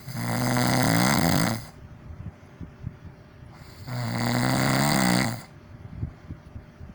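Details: Two loud, low, rattling inhalation snores, each over a second, separated by quiet breathing pauses; deliberately exaggerated, performed snoring for ASMR; snoring.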